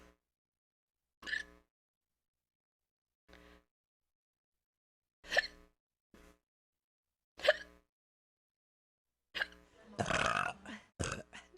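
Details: Several short, low, voiced gulping bursts at irregular intervals, then a louder, rougher burst, alongside hiccups ("hiccup burped"); repeated burping (eructation).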